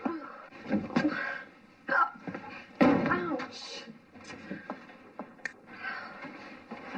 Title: The owl and the pussycat(with the hiccups)